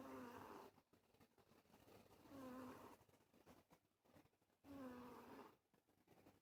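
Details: Cat snoring: soft, whistling, buzzing snores about every two seconds over faint room noise.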